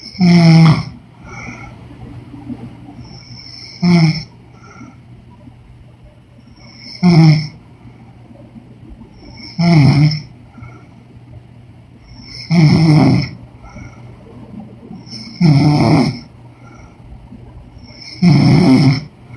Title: Women snoring noise💤